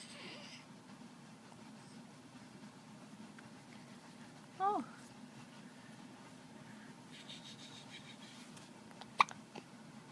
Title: Tiny hiccups, sneezes, and then smiles!